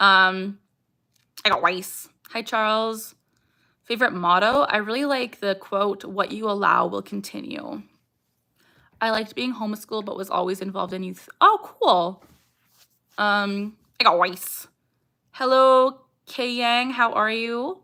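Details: Young woman with Tourette syndrome, vocal tics including saying "I got rice", "ha" and barking; strong emotion such as anxiety or excitement increases her tics, and she tics more during livestreams; vocal tics (Tourette syndrome).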